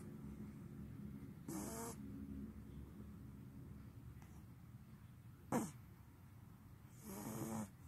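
Soft, fluttering snoring breaths and a brief snort over a low background hum. Snoring in a sleeping animal.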